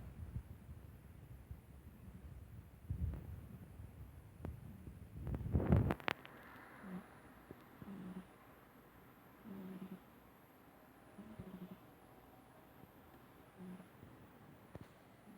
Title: My roommate's cat snoring